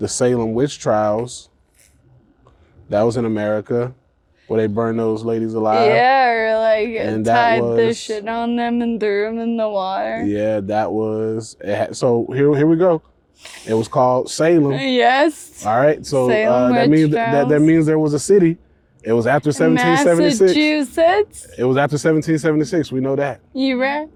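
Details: Ataxic dysarthria in a 28-year-old woman with Friedreich's ataxia, a progressive genetic disease. Speech and gait problems were noticed around age 15, with diagnosis at 18 about 10 years ago. She uses a wheelchair and takes Skyclarys to slow progression.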